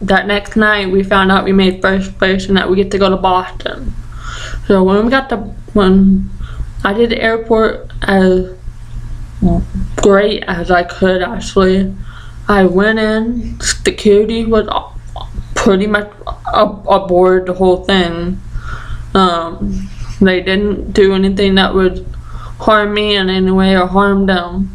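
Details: Deaf and ataxic speech in a 20-year-old deaf woman with ataxia affecting the basal ganglia and Usher syndrome; medication from about age 3, stopped about 2 years later.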